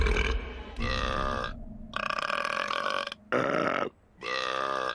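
A series of long, loud, drawn-out belches from animated characters, with music in the background.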